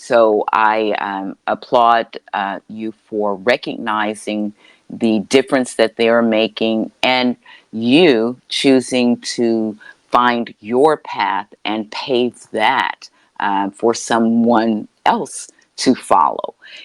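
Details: Adult woman with a self-described speech impediment, which she calls her disability; real, not acted: speech impediment.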